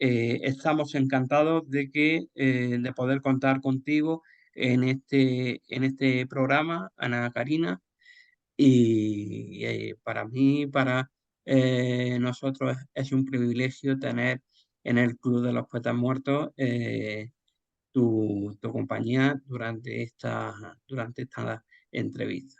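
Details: Adult male speaker; typical speech.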